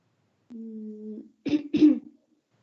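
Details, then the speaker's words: Clinical case, parent describing a child with respiratory symptoms, afternoon fevers and night-time phlegm that is not spat out: a short hum then two harsh throat-clearing bursts imitating wet phlegm. "el problema sería saca flemas puede ser escucha como que saca flema pero no las escupe como que se da estrada"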